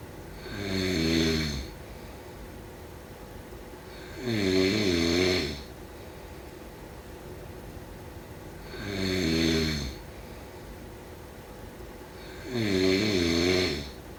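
Four loud, rattling snores with quiet pauses between, about 15 breaths a minute; ordinary snoring during sleep.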